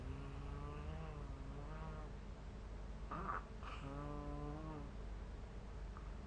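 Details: Snoring during sleep recorded with the SnoreLab app.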